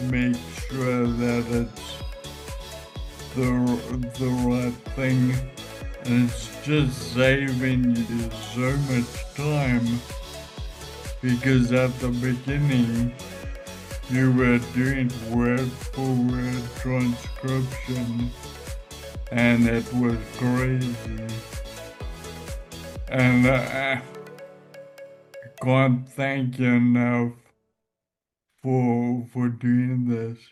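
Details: Ataxic dysarthria in a man with Friedreich's ataxia.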